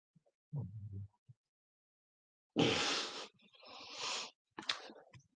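A low, rumbling snore is followed by a loud snorting inhale and a noisy, whistling breath out from a sleeping dog: snoring.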